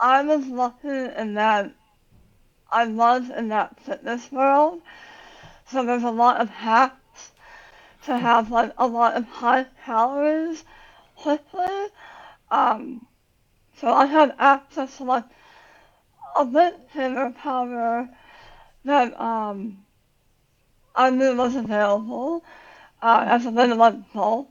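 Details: Adult woman about 9 years after tongue cancer surgery with leg-flap tongue reconstruction and radiation; says she has very little tongue, relearned to talk, speech worse when tired; articulation difficulty after partial glossectomy.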